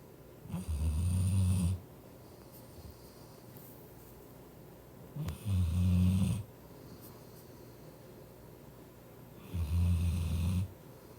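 Deep, rumbling snores on each in-breath, about 14 a minute, with quiet breathing out between them; a sleeping dog snoring.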